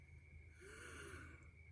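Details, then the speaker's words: Adult who had a third of a lung removed at age 11 after an accident, inhaler at hand: a single noisy breath with faint whistling tone, described as wheezing, just breathing; wheezing. "I'm wheezing it's just my breath"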